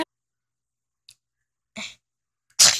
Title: FB123 Short:Lone Wolf's sneezing Problem part 1!